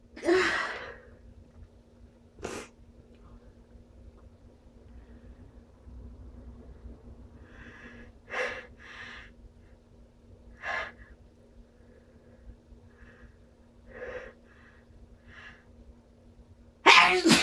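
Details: Strong sneezes with buildups: a loud sneeze, then quiet breaths and short catching inhalations building up, ending in a second forceful sneeze.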